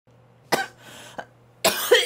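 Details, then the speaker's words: Female streamer's repeated forceful coughing, three harsh coughs in quick succession with a short catch between. She says she coughs with her whole body, so hard she tastes blood in her throat, and is trying hard to suppress it. "이렇게 기침하다가 이거 여기 이렇게 내가 여기 보면은 막 피 피 있을 거 같아 그 약간 온몸을 다해서 기침을 하는 느낌이야"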